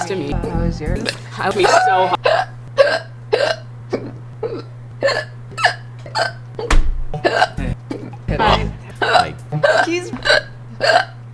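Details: Hiccups: repeated abrupt voiced catches, some breaking into speech, at an irregular fast pace, with a low hum and music in the background.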